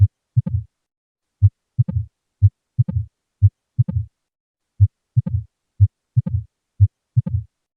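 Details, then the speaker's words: Early diastolic murmur heard with a stethoscope: low heart sounds near 60 a minute with a soft, fading whoosh right after the second sound. "This is the Pan Systolic Murmur This is the Early Diastolic Murmur"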